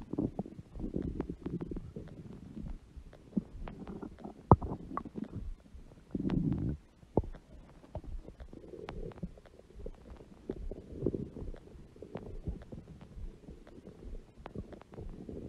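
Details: Adult woman (mother) with a large belly: irregular gurgling, rumbling and bubbling with scattered squeaks and pops throughout; normal stomach growling.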